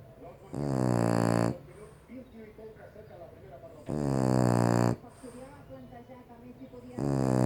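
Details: Sleeping French Bulldog: loud, droning snores about every three seconds with quiet snuffly breathing between; snoring in a short-nosed breed.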